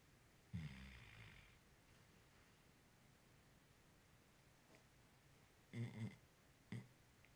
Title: Someones snoring in the living room